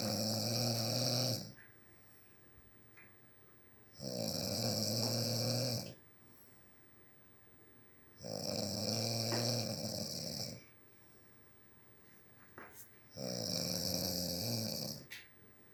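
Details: Loud, rough snores on each in-breath, about four in fifteen seconds, with quiet pauses between; a dad snoring.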